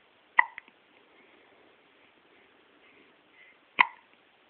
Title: I don't like the hiccups